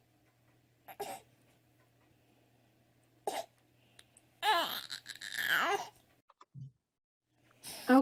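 A young infant makes short, voiced grunts and moans at the end of breaths, with wet, snuffly upper airway noise. This is expiratory grunting in bronchiolitis: the baby partly closes the throat on breathing out to hold the small airways open, a sign of severe respiratory distress and possible tiring.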